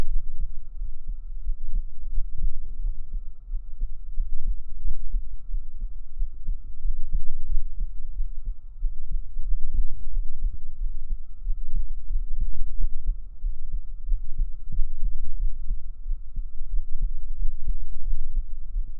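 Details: A real heartbeat recorded up close on the chest with binaural microphones during a girlfriend ASMR roleplay, heard as deep, muffled thumps over a low steady hum; heartbeat.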